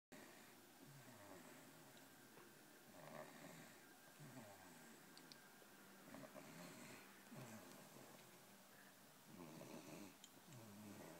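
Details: Baby snoring: soft, irregular snoring and snuffling breaths from a sleeping baby over steady room noise.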